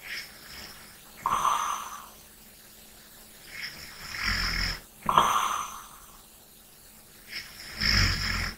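Slow breathing during sleep with a rattling snore on each breath, about 15 breaths a minute.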